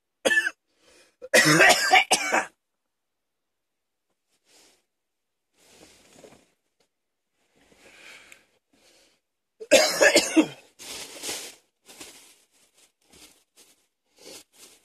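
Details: Adult man with mild asthma gives two harsh bouts of repeated coughing with throat clearing; asthma cough.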